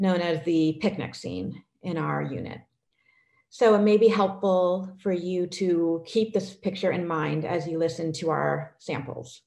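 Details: Adult woman presenter; normal speech.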